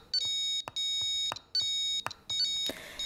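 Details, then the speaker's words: Repeating high-pitched electronic beeps with short gaps: pulse oximeter desaturation alarm, triggered during preventive maintenance by setting the low SpO2 threshold above the tester's own SpO2. "et on vérifie le déclenchement de la larme de désaturation attention on n'oublie pas de remettre le seuil d'alarme tel qu'il était à l'origine"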